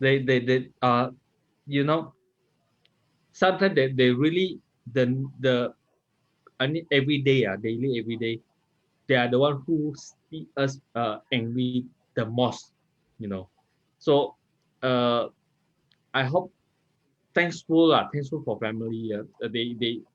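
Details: 39-year-old multilingual man with aphasia and word-finding difficulty after a stroke in March 2019; aphasia.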